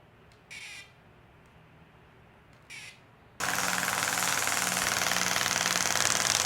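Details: Shockwave therapy on the left knee of a mountaineer with horizontal tears of the medial and lateral meniscus: after a few quiet clicks, loud steady rapid tapping and buzzing, about four pulses a second.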